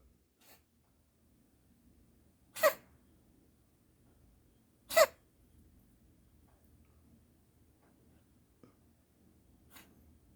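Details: Cat coughing again in the morning; vet found nothing wrong, and the owner wonders about herpesvirus or feline asthma: two sharp, harsh cough bursts in a quiet room with faint softer sounds between; cat cough.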